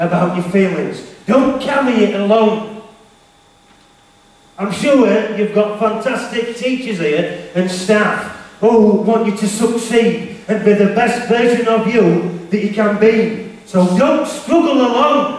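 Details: Male motivational speaker with a self-described stammer/stutter, who was referred to a speech therapist, speaking live to teenagers at a school; stuttering.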